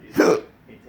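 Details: Intractable hiccups recorded August 15, 2019, present since December 9, 2015, occurring multiple times an hour and said to have started from a breathing spasm: a single abrupt voiced hiccup.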